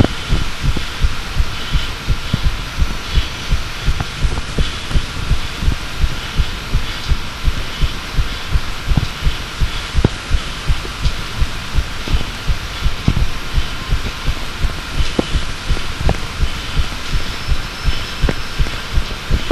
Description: My second try / Sounds better doesn't it?